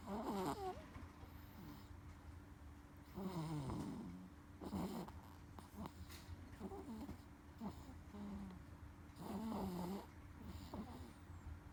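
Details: A sleeping 1-month-14-day-old infant snores softly with rattly noises and brief squeaky tones on breathing, over a steady room hum.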